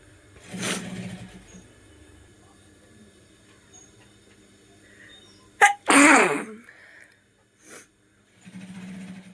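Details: Nose sneeze: a brief catch of breath, then a sharp, forceful sneeze burst, with quieter room noise around it.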